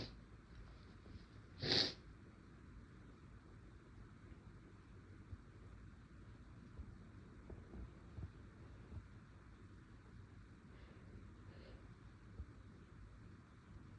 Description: some induced sneezes, my nose felt a little tickly, had to try to stifle a little at one point but it didnt work out the best